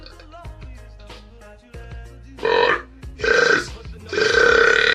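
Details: Men of different nationalities (Spain, Liberia, Italy, Mexico) burping for show: several loud, drawn-out voluntary belches over background music.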